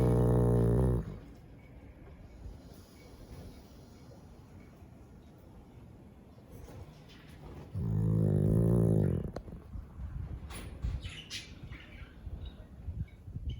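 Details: Snoring in a Chow Chow dog: two loud, deep, rumbling snores separated by several seconds of quiet breathing and room noise.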